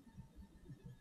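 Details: Normal heart sounds on cardiac auscultation with the patient lying, over the aortic, pulmonic, Erb's point, left lower sternal border, tricuspid and mitral areas.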